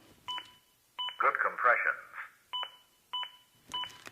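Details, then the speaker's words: ZOLL AED Plus defibrillator with simulator, CPR training demo: sharp, evenly spaced beeps act as an adaptive metronome monitoring chest compressions, pushing the rate to at least 100 per minute; compressions too shallow; brief spoken prompt. "the beats act as an adaptive metronome that monitor is my compressions and tries to speed them up to at least 100 per minute"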